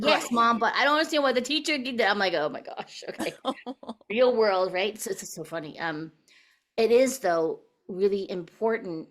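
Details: Adult woman speaking; normal voice.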